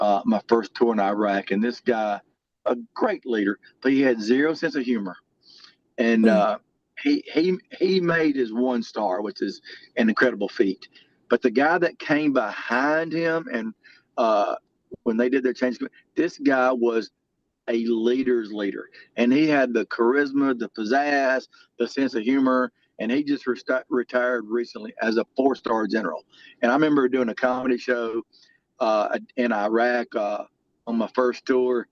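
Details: Adult male lifetime stutterer whose stutter varies and was more severe in childhood; stuttering.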